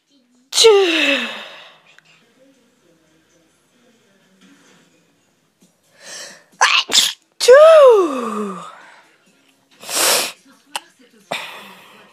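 Several loud sneezes, some with a falling squeal, with soft breaths between; repeated sneezing.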